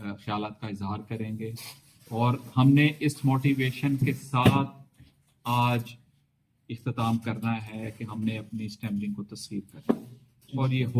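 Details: Adult male with a fairly significant stammer on arrival at a stuttering seminar, now speaking with the fluency-shaping techniques he learned; the trainer judges about 90% effective speech today. Stuttering controlled with fluency-shaping technique.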